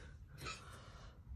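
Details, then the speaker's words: Cough or snort from an old female Yorkie with a heart condition, on medication; a single brief, breathy snort-like burst over low room hum, described as her coughing and snoring. "she has a little heart condition so she coughs a little bit she's on medicine for it but sometimes you'll hear her snoring in here"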